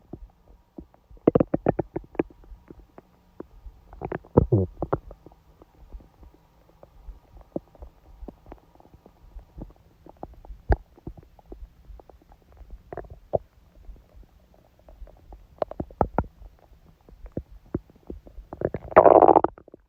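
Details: Woman's abdomen during menstruation with only a dull ache: intermittent loud gurgling and squelching bowel sounds, stomach growling from active gut movement.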